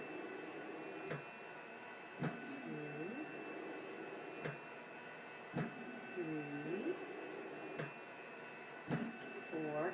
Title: Using her Cough Assist